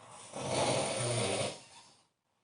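One long, harsh, rattling breath noise lasting over a second, then fading; a single snore.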